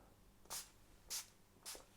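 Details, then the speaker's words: Three short hissing bursts of a spray bottle misting the scalp every couple of hours as aftercare on day 3–4 after an FUE hair transplant, with scabbing and tender swelling. "so I've got my spray spray my head every couple of hours to help with that"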